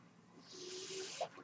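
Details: The speaker's own home mechanical ventilator: a soft hiss of airflow swells and fades, with a faint tone and a brief beep-like blip.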